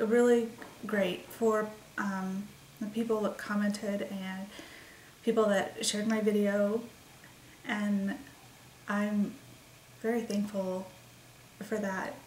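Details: 36-year-old woman with expressive aphasia and word-finding difficulty, caused by migraines that also caused seizures, onset December 28, 2012, worsening with certain migraines and nervousness; expressive aphasia.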